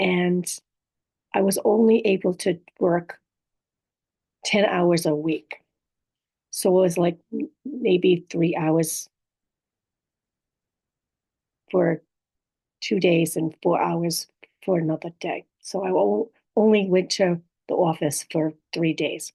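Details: Adult woman, stroke survivor, living with apraxia of speech, dysarthria, aphasia and other communication disorders; she says her speech can be hard to understand; aphasia with apraxia of speech and dysarthria.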